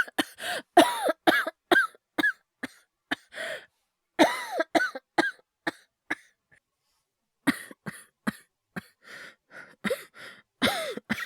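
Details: Acted, wordless cough performance by a male voice actor, all simulated: bouts of short dry coughs and throat clearing with brief pauses between clusters, portraying illness; imitated cough, not real illness.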